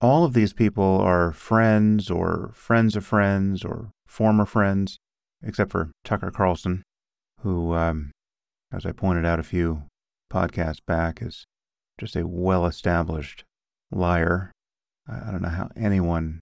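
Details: Adult male speaker; normal speech.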